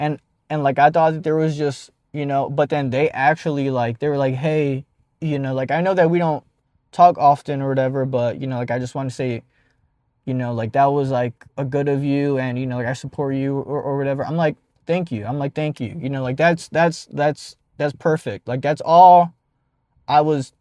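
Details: 52-year-old man, a jazz player turned rap singer, who describes himself as a person who stutters; stuttering.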